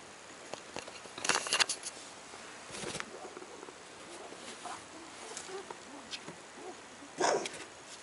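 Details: A few brief, quiet, harsh cough bursts from Sadie, recorded at 9 am, against a soft room background, fitting a cat's cough.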